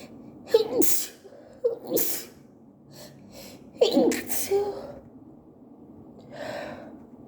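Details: Three forceful sneezes, each led by a quick gasping intake of breath, then a softer breath, in a person with allergies reporting wet, uncontrollable sneezing at work; sneezing fit.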